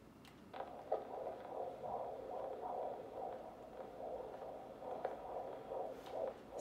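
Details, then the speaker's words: Normal fetal heart sounds on a handheld fetal Doppler applied with coupling gel to the pregnant abdomen; rapid, rhythmic whooshing pulses within the normal fetal range of 110–160 bpm. "so the fetal heart rate's normally between 110 and 160 out of interest we'll just have a listen on the other side so that's a bit more of a click-clacky sound which suggests that that's more likely closer to the fetal hub"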